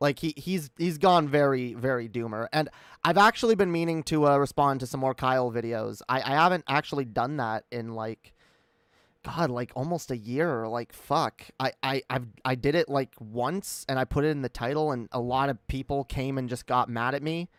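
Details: Real, self-acknowledged stuttering in a female streamer during a live stream; repeated words and fillers.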